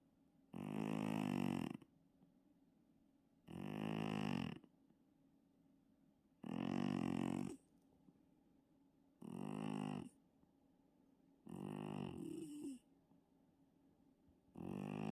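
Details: Sleeping pet cat, very tired, with tank-like loud, rough, buzzing snores on each breath about every three seconds in a quiet room; snoring.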